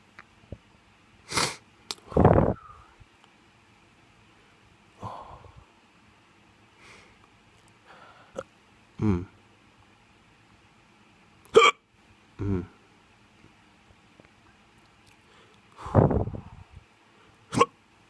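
Several short, abrupt vocal bursts with quiet gaps between them, about seven in eighteen seconds, consistent with hiccups.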